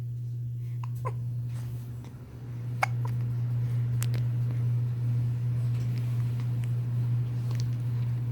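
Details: A newborn boy's soft, sharp hiccup clicks recurring every couple of seconds over a steady background hum: hiccups.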